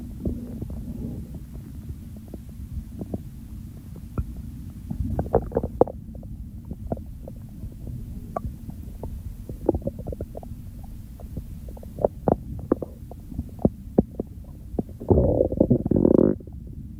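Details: Hunger stomach growling recorded during a real hunger-to-fullness digestive sequence: frequent irregular clicks and gurgles over a low hum, ending in a longer bubbling rumble; active bowel sounds.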